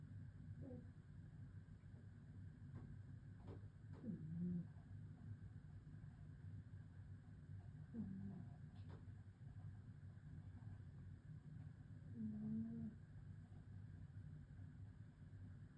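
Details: Sleeping cat gives soft, low rumbling snores about every four seconds over a steady background hum; snoring.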